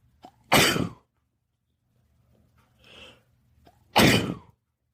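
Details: Sneezing fit at a house with two cats, after feeling the urge for a while: two sharp, explosive sneezes a few seconds apart, each preceded by a quick breath in.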